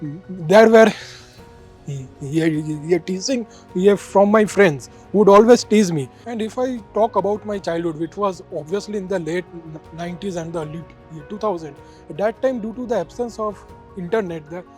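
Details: 31-year-old man who has stuttered since starting to speak at age two; persistent stuttering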